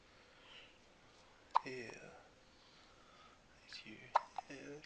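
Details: Baby boy with hiccups after eating: two sharp, brief catches of breath with a little voiced sound after each, over quiet room noise.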